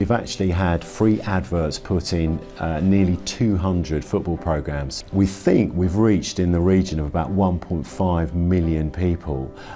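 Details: Adult male speaker; normal adult speech.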